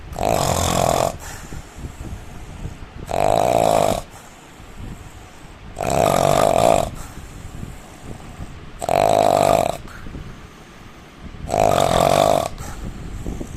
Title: indian man snoring